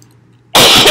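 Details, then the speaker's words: Cough in an adult woman recovering from illness with low-grade fevers, cough aggravated by talking: single loud, harsh cough burst after a quiet pause. "I'm sounding better. See, I'm doing better. Just still have a cough and..."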